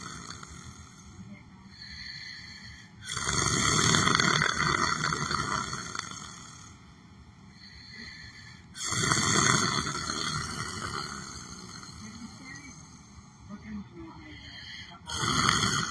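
Loud, rough snores recur every several seconds between quieter stretches of breathing, typical of snoring during sleep.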